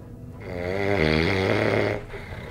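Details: Someone snoring during a nap, described as snoring like a pig: one long, loud, vibrating snore with a grunting quality on inhalation.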